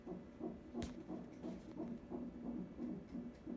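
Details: Fetal heartbeat on an electronic monitor during a non-stress test in a high-risk pregnancy, six days before birth: rapid, regular whooshing beats at roughly 150 a minute, with a brief click partway through.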